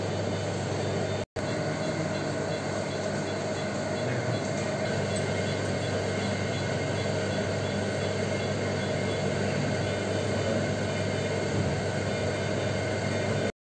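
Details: Heart-lung machine running: steady mechanical hum and whir running continuously.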